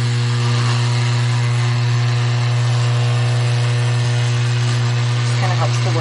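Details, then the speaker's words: Dental lab vibrating platform used while pouring up a patient's impression to avoid bubbles, before making a same-day crown: a steady, loud, low buzzing hum. "we use this vibrating platform here to avoid any belt receiving depression"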